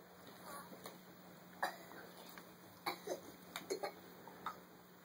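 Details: Several short, sharp hacking bursts from a dog named Harley within a few seconds, over a steady low hum: coughing with choking or gagging.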